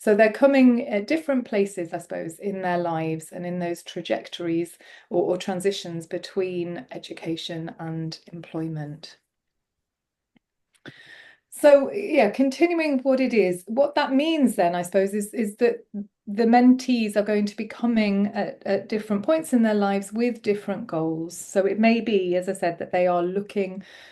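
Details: Adult speaker; typical speech.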